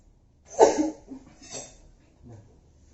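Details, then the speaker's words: Nursing student teaching effective cough to a breathless adult male patient, mask removed: three deep breaths in and out, then one firm cough followed by softer breaths; patient reports relief afterward. "Cara batuk efektif itu Pak ya, tarik nafas dalam Bapaknya selama 3 kali, yang 3 kali dibatukin Pak ya."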